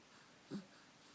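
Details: An 8-week-and-3-day-old baby boy gives one soft, brief, low hiccup in a quiet room.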